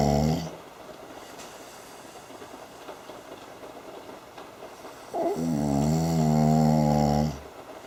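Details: Snoring.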